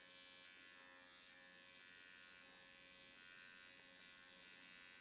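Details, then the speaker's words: Quiet, steady high-pitched buzz from a nanoneedling pen on its lowest blue setting, used with serum for infusion on the mouth area, over the lip line and onto the lips. "And I'm going to come in and do the mouth area. You can go right over the lip line, right onto the lips."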